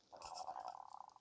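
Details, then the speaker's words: Stomach growling (borborygmi) that the speaker hopes viewers cannot hear: a brief gurgling, bubbling rumble trailing into rapid flutters, as gas and fluid move through the gut. "guys hear my stomach? My stomach. I hope not. I really hope you cannot hear that."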